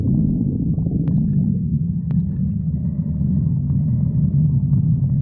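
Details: Loud continuous deep rumbling and churning from the belly: stomach growling (borborygmi), a normal gut sound.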